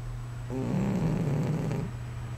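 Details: A cat snoring while asleep: a single low, rattling snore lasting over a second against a steady low room hum; the owner says he snores like this all the time.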